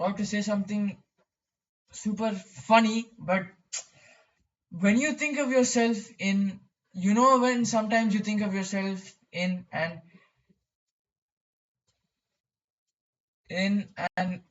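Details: Stuttering in a male speaker who describes his own stammering.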